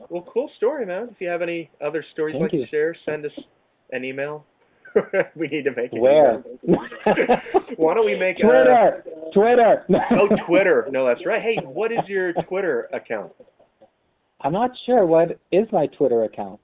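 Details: Lifelong stuttering in an adult co-host, real, conversational speech in a casual webcam chat among stutterers; stuttering.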